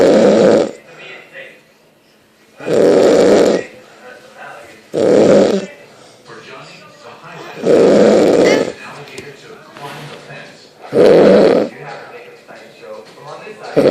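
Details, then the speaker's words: Woman snoring during sleep: loud, harsh rattling snores about every three seconds, roughly 21 a minute, with quieter breathing between them. "snoring, but she's gonna kick my ass if I record her face."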